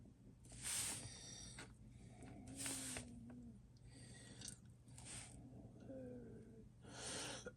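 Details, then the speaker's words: Noisy, effortful breaths with faint whistling wheeze on several breaths over a steady background hum, from an adult man with breathing problems who uses medicine and oxygen; wheezing heard while he paints a model. "Do you hear me wheezing? I Yes, I do have problems breathing, so don't worry about it."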